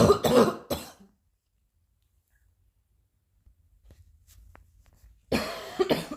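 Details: Cough: two short bursts of harsh coughing, one pair at the start and another pair after a quiet pause.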